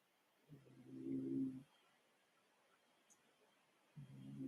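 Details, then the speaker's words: Cat snoring while asleep: soft, low, rattling snores, two breaths about 3.5 seconds apart, in a quiet room with music. "my cat's snoring if you guys can hear that wondering what that noise is"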